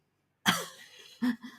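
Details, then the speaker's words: Single harsh cough burst then a shorter second cough or throat clear from an unwell adult who says they are under the weather and that their throat and coughing can be heard; cough. "I don't know if you can hear from our throats and our coughing."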